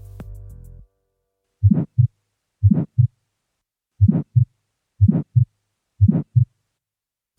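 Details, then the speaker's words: Valvular aortic stenosis, the most common form, from an educational heart auscultation podcast: systolic ejection murmur; causes named include congenital bicuspid valve, syphilis, calcification or rheumatic involvement of the aortic valve. "основные причины данной патологии - это врождённый двустворчатый клапан сифилис кальцификация аортального клапана или его ревматическое поражение"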